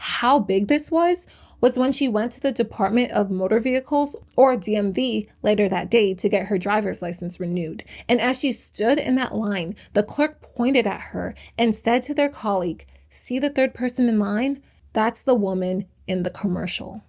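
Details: Adult woman narrator; ordinary speech.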